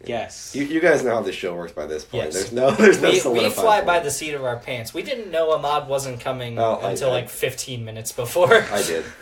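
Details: Adult man speaking; Normal speech.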